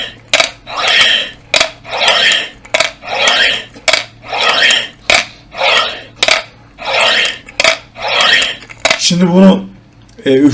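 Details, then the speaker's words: Adult man using a three-ball incentive spirometer to exercise his lungs, blowing to lift all three balls and feeling his abdominal muscles work: repeated forceful breaths with rattling clicks, each blow separated by a sharp intake. "bu gerçekten Ee nefes egzersizi denilen olay çok faydalı ve bunu üflediğinizde sonuna kadar üçünü de yukarı kaldırdığınızda karın kaslarınızın çalıştığını Ee hissediyorsunuz"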